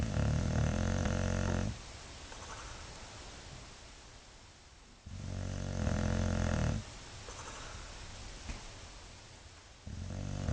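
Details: Sleeping dog snoring: loud, low rumbling snores, each lasting over a second with quiet gaps between, about 18 breaths a minute.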